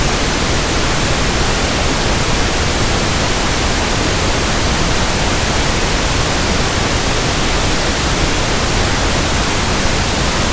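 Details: Steady soft static hiss, fuller in the low end: a pink noise sample for tinnitus sound matching and comparison, simulating a hissing, persistent background tinnitus.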